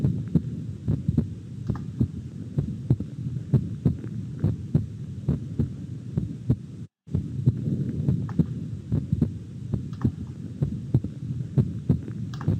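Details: Simulated chest stethoscope auscultation on virtual-patient teaching software, checking for possible CHF: steady paired lub-dub heart sounds with no extra sounds, a normal heart finding.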